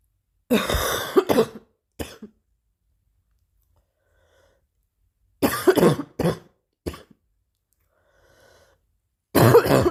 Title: new cough 3